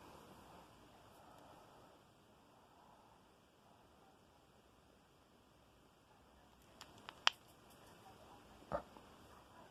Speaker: I, y'all heard how it sound? That mean it hurt.